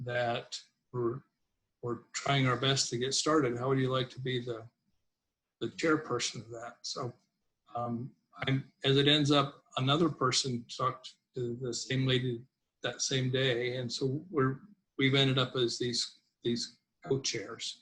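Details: Adult man, a person who stutters, with word repetitions and reported difficulty on words beginning with f; stuttering.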